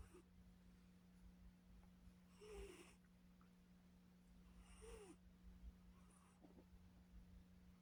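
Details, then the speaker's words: Sleeping cat snoring: faint, soft snoring breaths about every two and a half seconds over a steady low electrical hum. "Y'all, Kia is snoring. I don't know if you can hear her, but I hope you can."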